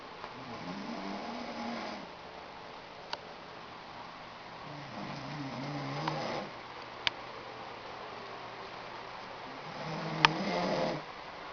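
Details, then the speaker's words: A husband asleep, recorded to show him how loudly he snores: three rumbling snores on the in-breath over about eleven seconds, with quiet pauses and a few clicks between them. "So, my lovely little husband doesn't think that he snores loud. Well, I'm going to show him otherwise."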